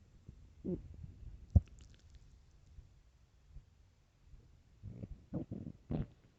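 Faint, irregular low gurgles and rumbles with a few louder bubbling bursts near the end; ordinary stomach growling on an empty stomach.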